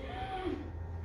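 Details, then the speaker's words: Acted choking demonstration of partial upper airway obstruction, where a little air still enters: the patient tries to breathe and a faint, thin whistling wheeze is heard. "Que hay una obstrucción pero en las vías respiratorias altas, pero entra un poquito de aire. ¿Qué va a ser el signo más significativo? Será que el paciente está intentando respirar y se oye una pequeña sibilancia."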